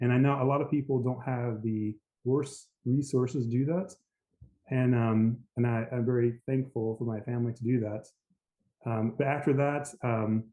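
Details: Aphasia after a stroke in an adult man, initially global aphasia able to say only yes.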